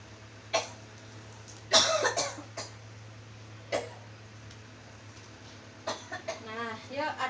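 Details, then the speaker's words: Child with cough during chest physiotherapy and effective-cough training, hand on abdomen, told to take a breath then cough to bring phlegm out: several short wet coughs and a throat clear; productive cough. "nanti tarik nafas terus dibatukkan gitu ya dia bisa keluar"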